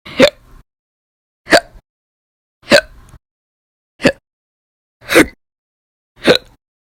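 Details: Repeated hiccups, sometimes violent and loud, sometimes silent, recorded over February 2020 (audio only): six abrupt, sharp hiccups about a second apart, each a short gulping click with silence between.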